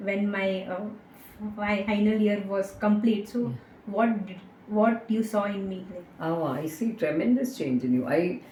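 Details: Young woman with stuttering (stammering) that began in third or fourth standard and worsened with age, treated with speech therapy and a stammering self-help group; she stammers very little here.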